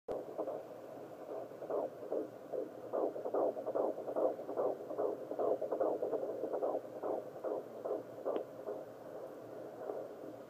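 Rapid, regular whooshing pulses of a fetal heartbeat on Doppler, about 145 beats a minute.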